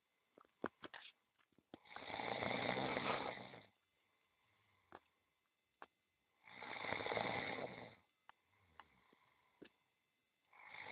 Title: Fantastic massage puts cat snoring